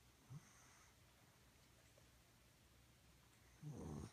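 A sleeping dog gives a low, rough snore near the end after a brief soft snort at the start.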